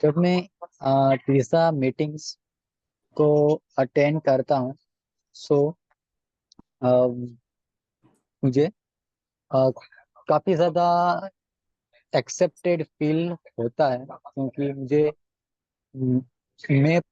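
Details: Self-reported stammering problem in a 20-year-old male from Kangra district, Himachal Pradesh, India, who attends stammering association meetings; stammering.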